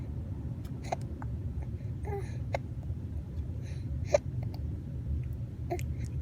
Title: Cute baby gets hiccups